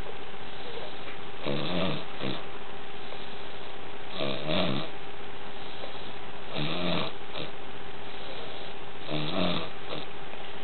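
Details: Snoring: four rattling snores about every two and a half seconds, roughly 24 breaths a minute, over a steady low hum.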